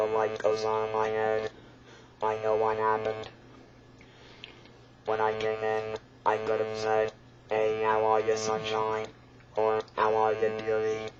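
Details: Speaker who talks with an electrolarynx, attempting to sing with it: electrolarynx speech.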